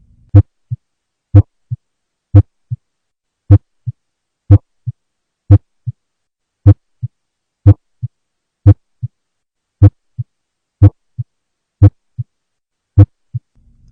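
Slow, regular heartbeat with a louder first sound and a softer second sound in each beat, about 19 beats a minute; S1 emphasized.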